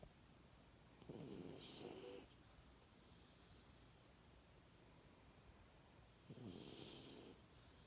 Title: Cute video of mini pocket beagle dog sleeping with snoring and dreaming